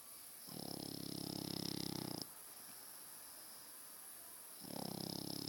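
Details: Sleeping French bulldog snoring loudly with a coarse, fluttering rattle on each in-breath and quiet pauses between, about 14 breaths a minute.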